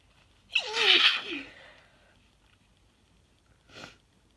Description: I’ve never sneezed this much in such a short time, haha.